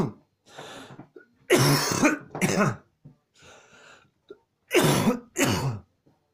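A run of repeated harsh coughs in close succession with brief pauses and gasps between them: a coughing fit.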